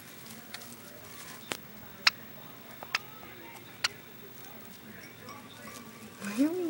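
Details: A person with the hiccups.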